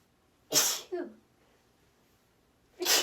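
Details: Female with persistent, ticklish sneezes in little pairs: a sharp, hissing sneeze with a brief voiced tail, then the start of a second sneeze; ordinary sneezing.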